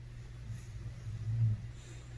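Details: 10-month-old male English Bulldog sleeping and dreaming during the day; low, steady rumbling breath noise swelling into one louder snore.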